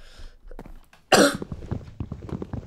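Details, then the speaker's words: Single loud, harsh cough burst from an adult who reports a really bad cough recently, followed by low rumbling noise; cough. "had a really bad cough recently, so if you hear it in this area, which you will."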